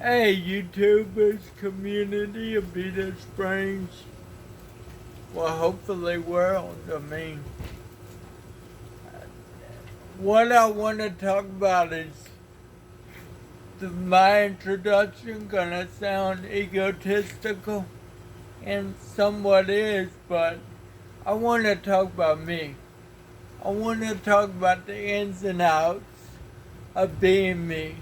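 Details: Dysarthria in an adult man who has lived 49 years with cerebral palsy and describes a speech impairment; he reports that some words take extra effort and that the following words come with struggle.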